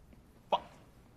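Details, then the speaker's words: Vocal tic from a person with Tourette syndrome in a film scene about a teacher after a job interview. "All he could see when he looked at me was my Tourette's. That's all any of them see."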